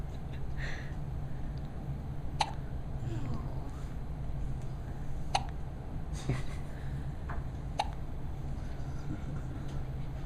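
Sharp, brief clicking gulps recur every few seconds over a steady low rumble, typical of hiccups.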